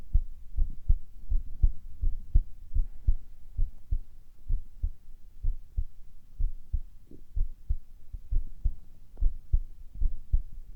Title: 【男子ASMR】ささやきと心音 hispers and heart sounds